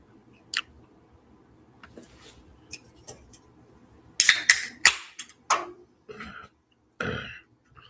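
A few faint noises, then a cluster of harsh throat-clearing bursts and a final rasp in a quiet room. Ordinary throat clearing.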